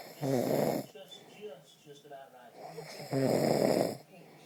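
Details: Two loud, rattling snores about three seconds apart with quieter breathing between, from someone whose girlfriend complains about their snoring; ordinary snoring.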